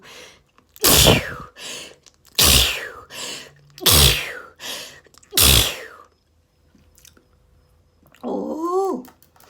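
Four forceful sneezes in quick succession, each with a sharp intake before it; rapid repeated sneezing fit from allergy.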